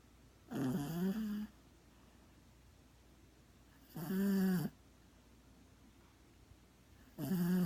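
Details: Chico, a sleeping dog, snoring loud: three loud, rattling, rough-toned snores about every three seconds, roughly 19 a minute, with quiet pauses between.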